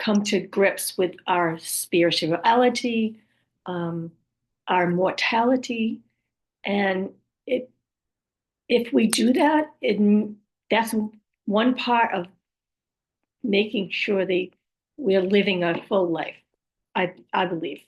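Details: Woman after a stroke with aphasia, apraxia of speech and other communication challenges: aphasia with apraxia of speech.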